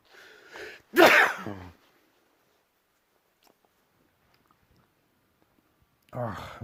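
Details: Brief in-breath, then one loud explosive sneeze with a voiced tail from a person sitting editing video; a second sneeze begins at the end.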